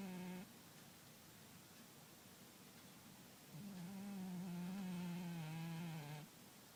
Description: Caught my cat snoring.